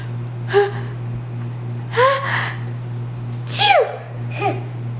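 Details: Brief, sharp, squeaky snorting gasps, four in five seconds, with repeated gasping in-breaths; reverse sneezing.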